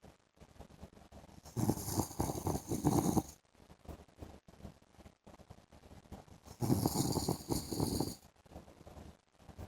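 Two long, rough, fluttering snores about five seconds apart, with quieter breathing and room noise between. Snoring during sleep.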